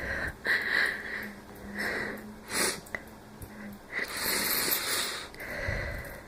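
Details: Dry, allergy-like sniffles with mild trouble breathing and noisy, faintly whistling breaths, then a single short wheezy cough near the end.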